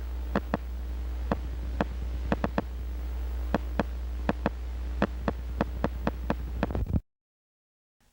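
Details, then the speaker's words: Spontaneous motor unit potential discharges (continuous fasciculation) on needle EMG in relaxed muscle: sharp clicks firing near-regularly, about two per second, over a low hum; described in infantile spinal muscular atrophy. "It is likely that this continuous faciciculation is what bthalidal call spontaneous mups which have been described in infantile spinal muscular atrophy. Watch and listen to spontaneous mu discharges."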